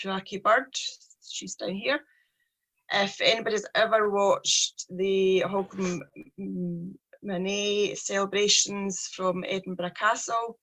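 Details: Stuttering (stammering) in a 43-year-old woman with a speech problem since age three.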